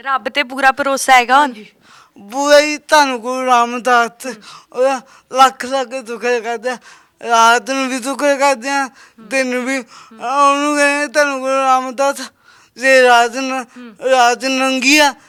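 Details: Young Sikh man with a disabled hand and a speech problem since birth; his mother cannot speak or hear; stammering with unclear speech.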